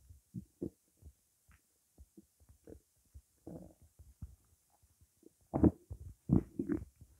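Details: Hunger stomach growling (borborygmi) during a 12-minute recording of an empty stomach holding only water: irregular low gurgles and rumbles growing louder toward the end.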